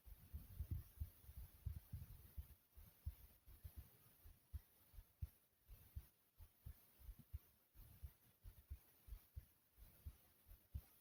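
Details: Soft heartbeat the person describes as their own, beating quickly: soft low thumps at roughly 85 to 90 a minute with faint hiss behind, an ordinary heartbeat.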